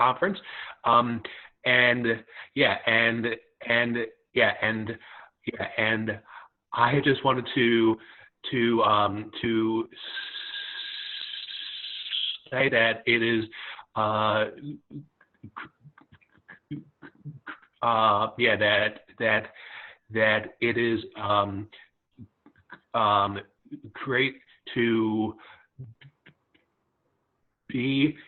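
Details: Stuttering in a young adult who stutters, speaking at a stuttering-association open mic recorded online in July 2020.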